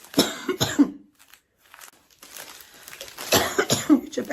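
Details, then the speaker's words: Adult woman, still ill and unable to sleep, coughing through most of the recording: two harsh coughs, a quiet pause with faint sounds, then two more coughs in a small room. Cough. "O vídeo vai ser a maior parte do vídeo tossindo."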